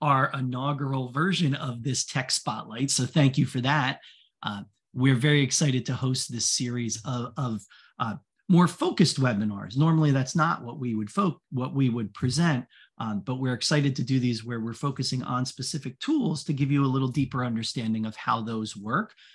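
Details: Adult male speaker; typical speech.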